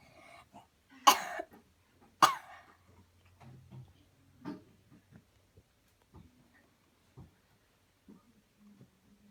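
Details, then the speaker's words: A child's voluntary cough on command after repeated deep breaths, in a coughing technique demonstration: two sharp, dry coughs, followed by soft breathy sounds and a faint sigh. "Here we go. Breathe in deep, deep, deep. Cough. Come again. Huh? Yes. Cough again."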